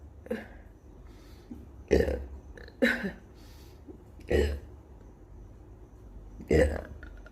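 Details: Four loud, low, gurgling burps in a row with quiet room noise between them, produced deliberately right after eating spicy kimchi, which the person says is burning their mouth and stomach; burping.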